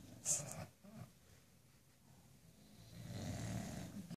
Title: The bulldogs gently snoring.